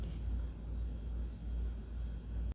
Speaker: Y en el caso de los roncos son sonidos graves semejantes a ronquidos, los cuales se producen cuando hay presencia de secreciones espesas en vías aéreas grandes, como ocurre en la bronquitis.